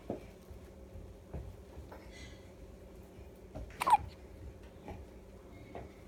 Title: May 25,2017 hiccups